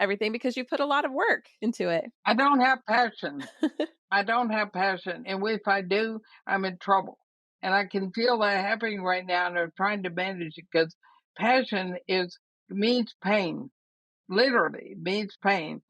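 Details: Dysarthria in a woman of about 80 with ALS (Lou Gehrig's disease); she says her speech already shows quite a bit of trouble but she thinks she remains intelligible.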